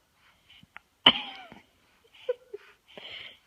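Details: Infant with a sudden, sharp voiced catch and soft breath sounds around it, a hiccup, in a quiet room with an adult talking nearby.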